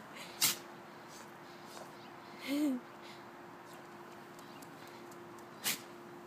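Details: Two sharp, abrupt sneezes from a Jindo dog, several seconds apart, with a brief soft vocal sound between them: dog sneezing.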